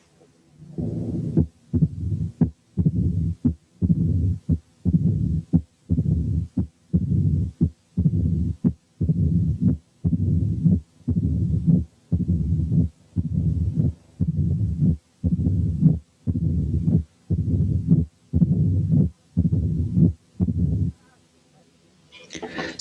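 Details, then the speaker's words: Mitral stenosis: mid-diastolic murmur with patient supine, lengthening to fill diastole with presystolic accentuation on turning to left side; regular low rumbling murmur near 58 a minute building before each beat. "دلوقتي هنسمع حالة ماترال ستينوزس والمريض نايم على ظهره، هنسمع الميد دايستوليك مامر. بعد كده لما يلف وينام على جنبه الشمال المامر هتطول وتطول لغاية ما تملأ الدايستلي ويبقى لها بري سيستوليك اكسنتويشن."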